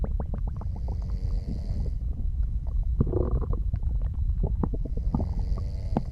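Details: Low, continuous gurgling and squelching with brief popping clicks and a soft breathy swell, with soft snoring: active bowel sounds (borborygmi) from digestion.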